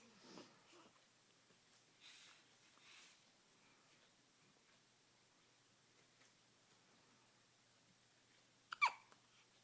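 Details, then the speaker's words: Infant with hiccups, chewing on his hand: quiet breathing in a still room, then one sudden, sharp catch of breath typical of a hiccup. "Who's got the hiccups? Who's got the hiccups? Don't you chew on that hand."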